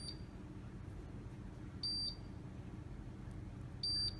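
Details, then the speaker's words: Therapeutic laser applied over the MCP joint during a physical therapy demonstration, automated timed treatment with green light on: short high-pitched electronic beeps about every two seconds over low room hum. "I will press start and once you press start it counts down and I'm going to press the trigger and now the treatment has begun the green light is on"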